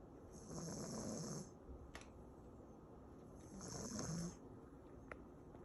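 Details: Sleeping pug snores loudly with two rattling snores about three seconds apart, roughly 20 breaths a minute, with quiet breathing between.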